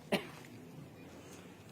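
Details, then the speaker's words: Single short, sharp cough from an adult man speaking at a gathering, who says his throat is bad and his voice has gone hoarse; followed by quiet room noise. "मेरे chief है मेरा गला खराब है हमारे chief है"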